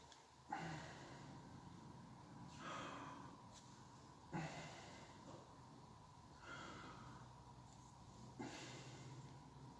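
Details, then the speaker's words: Student nurse's head-to-toe assessment, auscultating the chest with the patient leaning forward, arms crossed, breathing through an open mouth: soft, even breaths about 14 a minute, normal bronchovesicular sounds, no crackles or wheezing. "Okay, the sounds are bronchovesicular, which is normal, and the no cracks and wheezing noted."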